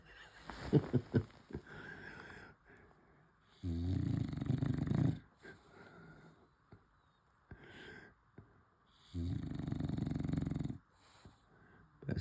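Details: Snoring during sleep: long, low rattling snores on each in-breath, separated by quiet pauses, with faint room sounds between.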